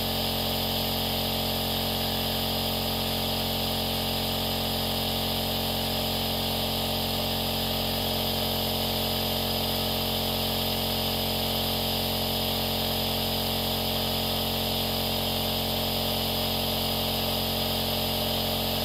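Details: Aerosol nebulizer compressor running: steady, unbroken mechanical hum and hiss with no breathing, voices or other sounds over it.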